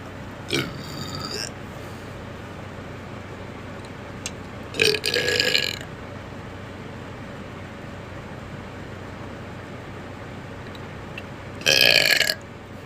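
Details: Person with hiccups also burping: three loud, drawn-out burps over a steady background hiss; burping.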